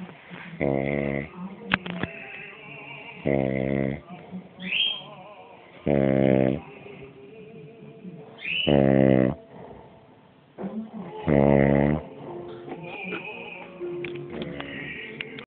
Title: snoring dad